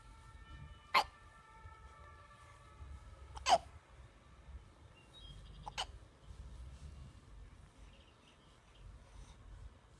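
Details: Three abrupt, sharp hiccups a few seconds apart against quiet room noise; ordinary hiccups.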